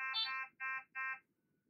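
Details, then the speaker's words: Three loud electronic alarm tones from a Fresenius Kabi Amika ambulatory enteral feeding pump, door-open alarm signalling that the pump door is open. "Alarme. Porte de la pompe ouverte. Stoppez l'alarme en appuyant sur le bouton Stop."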